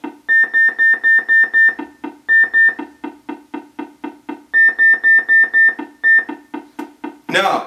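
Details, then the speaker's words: Simulated demonstration on a Nerveana evoked electromyography nerve monitor: stimulation ticking about four times a second, intermittently replaced by a high steady alarm tone when the monitored muscle responds, simulated by making a fist. "that is what the surgeon hears when they're delivering stimulation four times a second tick tick tick tick tick if the muscle that's being monitored where to respond i'm going to simulate that by making a fist that stimulation ticking sound is replaced by the alarm"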